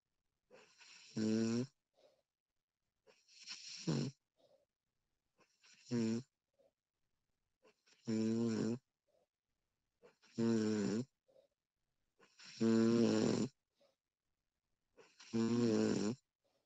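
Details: Recording of a woman snoring: loud rattling snores on breathing in, about every two and a half seconds, with quiet breaths out between them; snoring.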